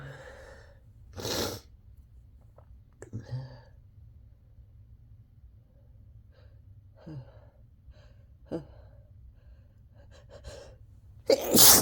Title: Messy induced sneezes